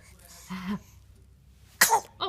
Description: Every time our 5 week old son sneezes, his arms fly up into his face.